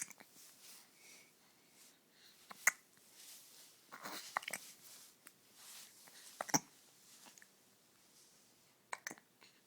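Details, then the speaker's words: Smiling small child with hiccups: short, sharp, irregular catches, several over ten seconds, in a quiet room; hiccups. "so he has the hiccups so smiley so smiley"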